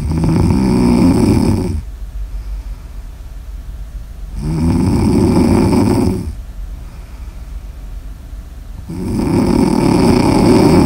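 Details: Snoring ASMR audio recording: loud, rough snores on the in-breath with quiet gaps between, about one every four seconds, roughly 14 a minute; snoring.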